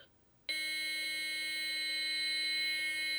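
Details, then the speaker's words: Loud, steady, high-pitched alert tone from a training AED during simulated one-rescuer adult CPR, sounding after "shock advised, charging": the device is charged and everyone must stand clear before the shock. "AED: Shock advised. Charging. Everyone stand clear."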